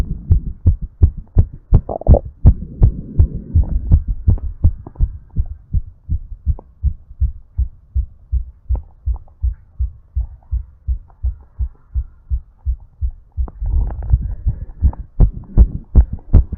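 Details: Fast, regular heartbeat with bursts of heavy breathing during recovery after exercise, energy drink taken before recording; rapid heartbeat after exercise.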